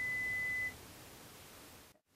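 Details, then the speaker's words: Adult hearing test, air conduction: a brief steady pure-tone beep followed by quiet hiss. Intensity is raised in 5 dB steps until the client responds, repeated until two of three ascending presentations get a response, to find the threshold. "At this point the intensity level is increased in five decibel increments until a response is obtained This is repeated until the client has responded to two out of three ascending presentations"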